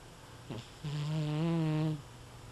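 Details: One drawn-out, buzzing, musical snore on an in-breath after a short snort, in a quiet room: snoring.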